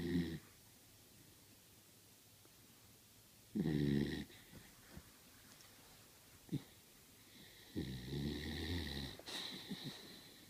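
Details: Beagle snoring in a small room: rough, rattling snores with quiet gaps between breaths; owner wonders how the dog snores so much while still awake.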